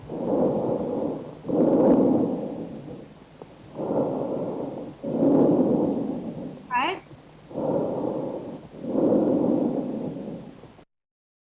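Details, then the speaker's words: Loud, harsh bronchial breath sounds, with a pause after inspiration before expiration begins and expiration longer than inspiration. "so let me share you the sound of a bronchial sound first and then later on to the bronze the bronze cover circular sun so this one is the bronchial sound"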